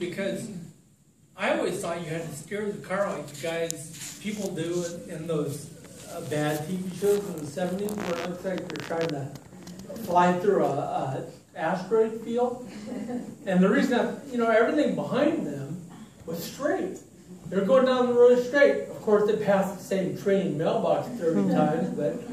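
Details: Adult man with ataxia diagnosed in 2003, lifelong balance difficulties, who says it has affected his speech; talk at an ataxia support group; ataxic dysarthria.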